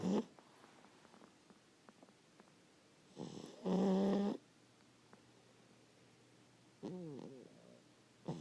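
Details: Sleeping pug: two loud, harsh snoring breaths with a rattling tone over a quiet room, plus a brief grunt; snoring.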